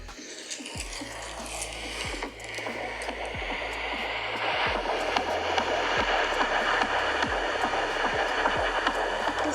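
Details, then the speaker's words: Fetal heartbeat on Doppler at a 16-week-4-day prenatal appointment: rapid, regular whooshing at 146 beats per minute, a normal rate. "I asked if I could record and she said it was okay so I'm gonna let you all listen to the baby's heartbeat"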